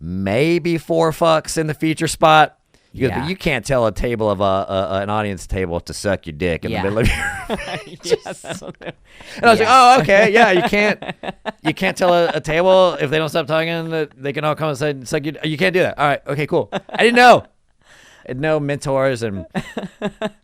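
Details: Adult male speaker in conversation; typical speech.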